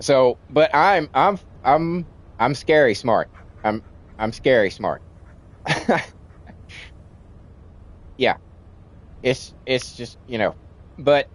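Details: Stuttering in an adult man with a childhood-onset speech impediment, treated with speech classes in kindergarten and first grade; he says it is milder than in childhood but audible when he talks a lot.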